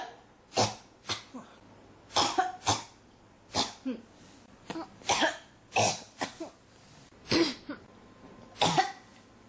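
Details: Coughing persistently, about a dozen short coughs in clusters of two or three with brief pauses between, described as a cough that won't stop; persistent cough.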